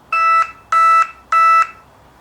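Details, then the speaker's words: False urgent low alarm from a Dexcom continuous glucose monitor at night: three loud electronic beeps. It is a compression low from sleeping on the sensor, in an adult with 15 years of type 1 diabetes. "I'm sure you recognize this sound. Low alarm from my Dexcom um compression. It happens to me every other night, every week."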